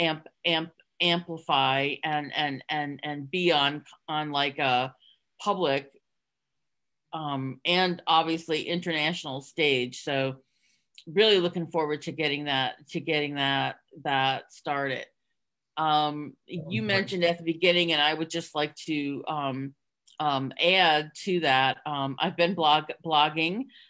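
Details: Adult woman with real, lifelong stuttering who hid it for close to 30 years through avoidance (covert stuttering) before stuttering openly; stuttering.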